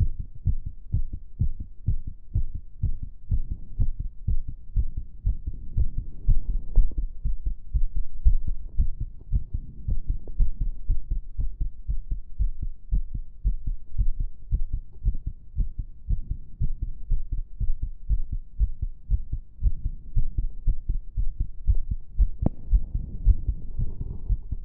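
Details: Own heart sounds during step-up exercise (stair-stepping); rapid, regular low thumps at roughly 118 beats a minute; fast heart sounds during exercise.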